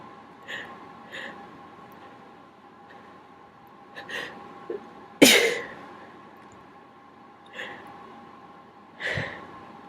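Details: Sneezing deliberately triggered with a q-tip (cotton swab): soft sniffs and breathy catches, then one sharp, loud sneeze and a smaller one, over a steady hum; sneezing.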